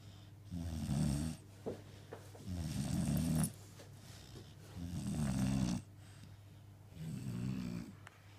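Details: Steady snoring during sleep: loud, rattling snores with a quieter gap between each, about 28 breaths a minute.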